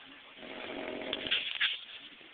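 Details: Adult man napping, snoring loudly: a soft, rough breathing sound builds over about two seconds to a rattling peak, fitting a single snore.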